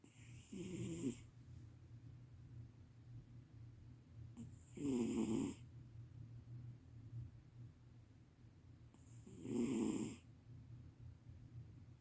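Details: Sleeping cat snoring loudly: three loud snoring bursts with quieter breathing between, about 13 a minute.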